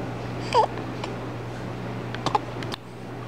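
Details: Infant now beginning to hold his head up, lying on a pillow in a quiet room; a few short, abrupt voiced catches with soft babbling between; hiccups.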